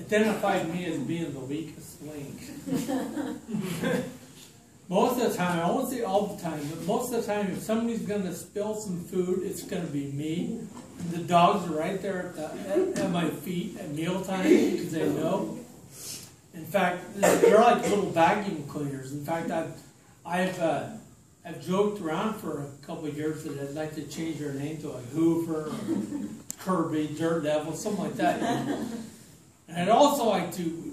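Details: Adult man with ataxia diagnosed in 2003, lifelong balance and coordination difficulties since childhood, condition affecting his speech; ataxic dysarthria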